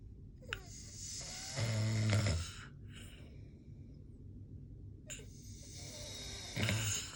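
Loud, harsh snoring on inhalation, with noisy rushing breaths in between; two snoring breaths over several seconds.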